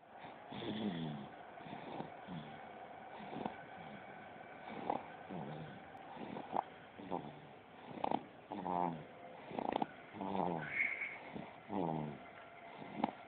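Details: 2-month-old baby snoring in sleep: repeated soft, fluttering snorts and snuffles in steady succession, with light room noise.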